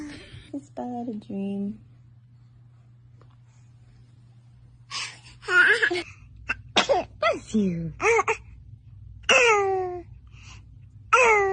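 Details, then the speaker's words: Baby sneezes repeatedly: short, sharp bursts with breathy onsets amid infant squeals and adults saying bless you and joking he's allergic to someone. "oh oh bless you oh whoa oh my gosh holy cow you got to give him back to me he's allergic to you"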